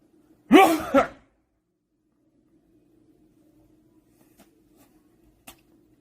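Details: One loud voiced sneeze with a quick second burst, then a quiet room; an acted sneeze, attributed to itching inside a droplet face mask.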